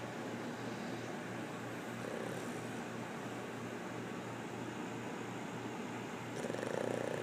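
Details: Pug snoring while sleeping on a puggle: a steady low, fluttering rumble with a soft rattle throughout.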